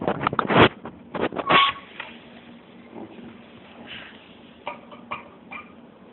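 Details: Coughing at night, second episode that night; cough.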